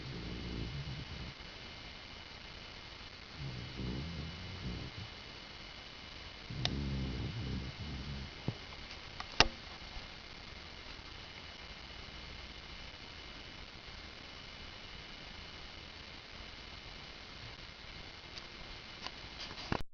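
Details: Pet dog snoring while asleep on a bed: a few low, rough breathing sounds, then quiet; light snoring.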